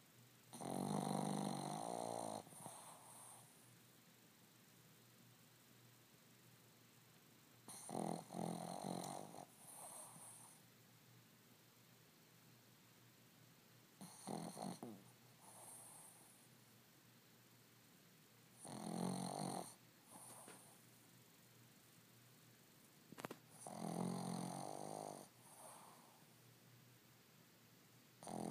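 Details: Dog snoring loudly and steadily while asleep, about eleven rattling breaths a minute, sounding much like a human snore; snoring.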